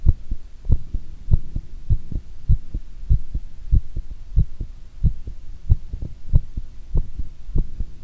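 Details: Strong, fast double heartbeats at roughly 95 to 100 a minute, recorded during squats with some body-movement thumps, normal quickening with exertion.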